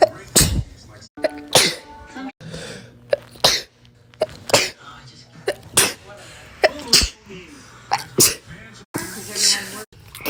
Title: sneezing!!!!